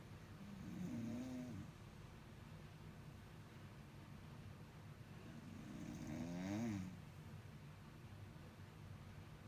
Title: brother snoring super loud